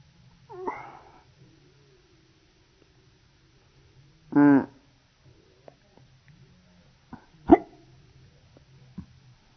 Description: Baby hiccups in slow motion